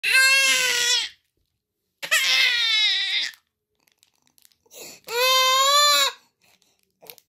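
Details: Three loud, clear, high-pitched wails from a young child, separated by pauses, crying for a Dairy Milk chocolate: an ordinary behavioural cry.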